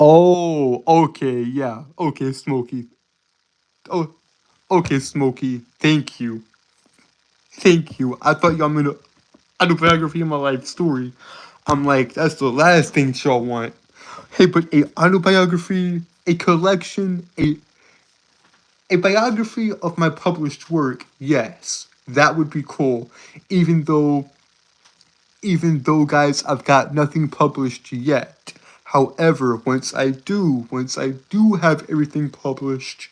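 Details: Male speaker with a self-reported speech impediment causing stuttering.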